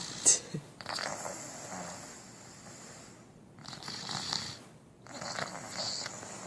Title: Me snoring soothingly